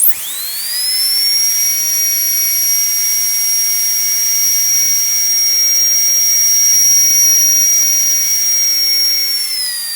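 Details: Dental drill at the start of a complicated root canal: a steady high-pitched whine that rises quickly and holds for several seconds.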